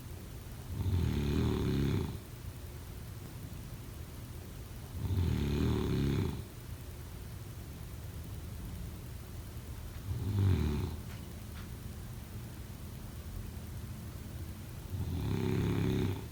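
Four low, rumbling snores about five seconds apart, roughly 12 breaths a minute, over steady room hiss: ordinary snoring.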